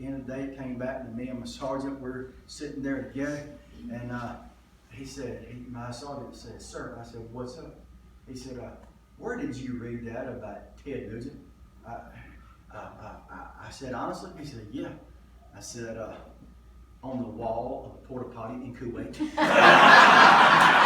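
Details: Adult male comedian who stutters, lifelong ("doing it forever"), says he was stuttering pretty badly in one story and does not hear his own stutter; stuttering.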